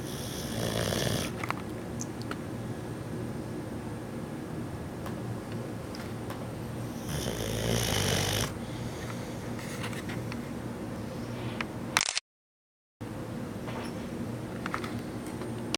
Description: This is our new 6 month old male boxer puppy. He can sleep through anything and snore through anything!